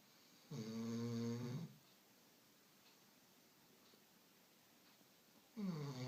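Quiet room with two low, buzzing snore sounds several seconds apart, each a drawn-in rattling breath: a sleeping dog snoring.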